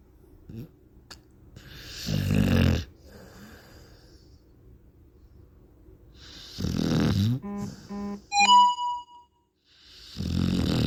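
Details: Loud, rough snoring in a few separate bursts from a sleeping pit bull dog, with short musical notes and a chime over one gap; snoring.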